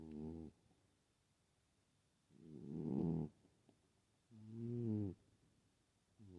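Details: Sleeping female cat snoring loudly with buzzing, purr-like breaths about every two seconds and quiet pauses; she is known to snore but not usually like this; snoring.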